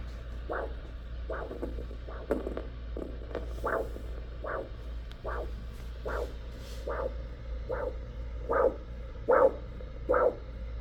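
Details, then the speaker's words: Handheld Doppler probe during ABI assessment over the posterior tibial artery behind the medial malleolus, probe at 45°: regular single whooshing pulses, about 76 a minute, a monophasic arterial signal. "monophasic we'll call it monophasic yep PT monophasic right so you would document that"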